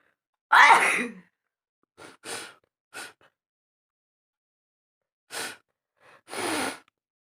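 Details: Acted nose-blowing and sneezing for a funny challenge: one loud sneeze followed by several short nose-blowing and sniffing sounds; sneeze.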